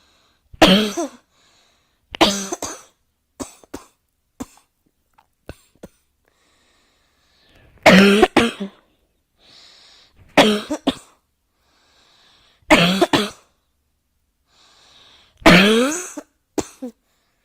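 Repeated loud coughing bouts, each with two or three bursts, about six episodes over seventeen seconds, with quiet breaths between.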